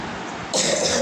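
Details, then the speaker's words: A single harsh cough burst over room noise from a speaker who says they have had a terrible cough recently; a lingering cough. "Sorry guys, എനിക്ക് ഈയിടെയായിട്ട് ഭയങ്കര ചുമയാണ് കേട്ടോ."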